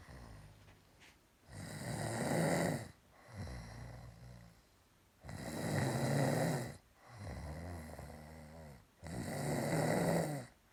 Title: She snores again